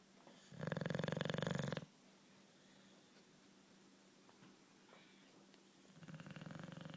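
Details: Snoring from a sleeping Bulldog, a loud, fluttering, rattly snore on each inhalation followed by a quiet pause.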